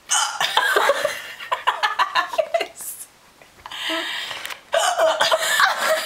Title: hilarious hiccups